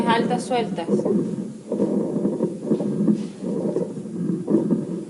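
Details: Rhonchi heard over the trachea, from loose upper-airway secretions.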